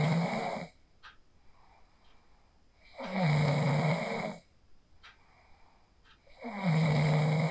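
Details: Loud, low rattling snores on each breath in, with quiet exhalations between, about 17 breaths a minute, from a person asleep after practising the 4-7-8 breathing technique, recorded on a phone; ordinary snoring.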